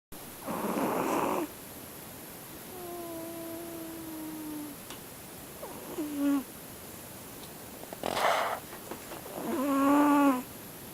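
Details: Siamese cat snoring in sleep like an old man: several rough, noisy snoring breaths alternating with soft whistling tones over steady room hiss; snoring.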